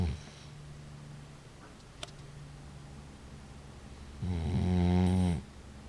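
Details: Sleeping dog snoring: soft room noise, then one loud, low, buzzing snore breath.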